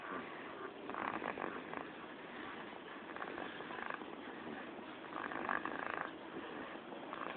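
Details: Sleeping cat snoring, recorded 11-01-2012 at 07:30: soft steady rumbling snore with faint purr-like fluttering throughout; ordinary sleep snoring.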